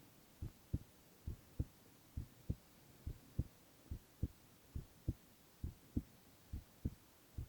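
Steady paired lub-dub heartbeats at about 67 a minute, clear and regular with no added sounds; an ordinary heartbeat.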